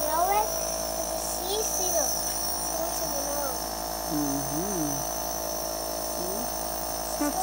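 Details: Toddler using a nebulizer with a mask for a breathing treatment: steady, high mechanical whine of the nebulizer compressor running, with the young child's voice over it.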